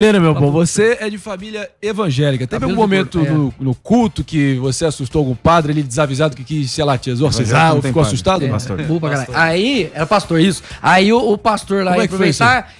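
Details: Adult male speaker; normal speech.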